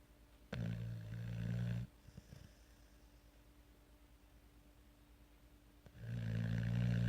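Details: Deep, buzzing snores on the in-breaths, separated by several seconds of quiet breathing, over a faint steady room hum; snoring.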